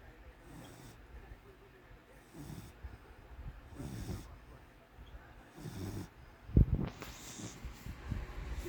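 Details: Snoring: low, rough snoring noises recurring about every 1.7 seconds (roughly 35 per minute), with a brief louder snort near the end.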